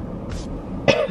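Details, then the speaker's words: Throat clearing by an adult who fell ill two nights earlier with chills and a bad sore throat, now less sore but congested like a cold, while in a car driving to the doctor: a single short throat clear over steady road noise. "I just feel like I have a cold my throat doesn't hurt as much as it did yesterday and the day before but now I just feel like congested like I just have a cold or something"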